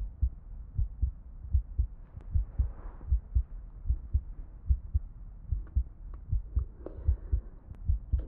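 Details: Simulated ASMR role-play exam: a night nurse listens to the chest of an ICU patient during routine rounds, with a regular low lub-dub heartbeat at about 75 beats a minute, normal heart sounds.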